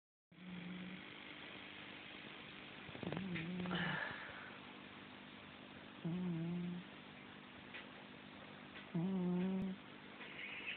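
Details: Sleeping cat recorded on a mobile phone: three loud, low, buzzing snores about three seconds apart over steady room noise; snoring.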